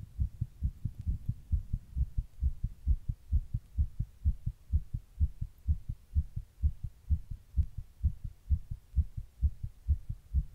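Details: Own heart recorded while sitting in 100 degree heat during a heatwave: regular, rapid heartbeat at about 128 a minute; tachycardia.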